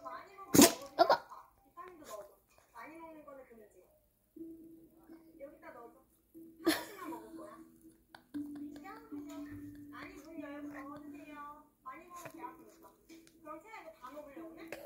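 A puppy gives two short, sharp sneezes amid people talking nearby, consistent with a cold.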